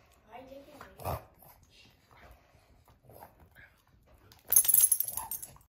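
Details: Dog with collapsing trachea: soft snorting breaths, then a loud, harsh honking cough typical of the condition.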